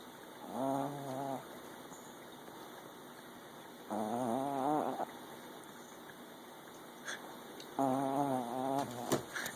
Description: Little Honcho is a Tea cup Chihuahua. For a little guy he sure is loud.